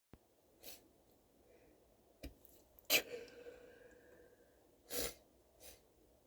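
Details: Sneezing brought on by chhinkni: several explosive, hissing bursts, some loud and some muffled or held back, with false starts in a quiet room; repeated sneezes including stifled ones.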